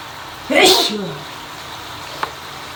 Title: Cold sneezes in the shower + final nose blow